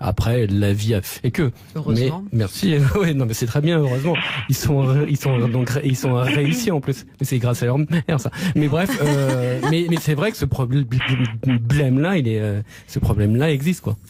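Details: Stuttering in a young adult man who describes having had a very severe stutter; pauses and repetitions heard.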